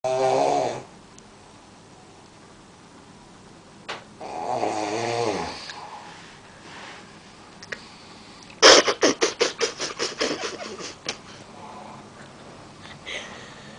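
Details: Man snoring unusually, attributed by the uploader to smoking: loud, irregular snores, some buzzing and drawn out, others breaking into a rapid sputtering flutter; heavy snoring.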